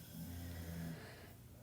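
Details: Background snoring during a recorded lesson: a single low, rumbling snore lasting about a second, then quieter breathing against faint room noise.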